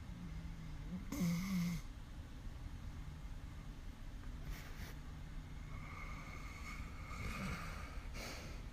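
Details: A sleeping dog makes soft, rough snoring sounds on the in-breaths, over a steady low background hum.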